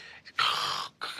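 An adult imitates snoring: a harsh, hissy breath sound, a brief silent gap, then another noisy breath. Imitated snoring with pauses.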